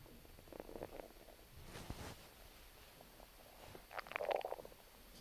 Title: Stomach Growling